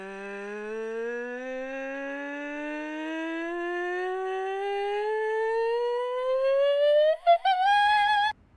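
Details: Normal functioning larynx gliding from low to high pitch as the vocal cords lengthen through cricothyroid muscle contraction; normal pitch glide.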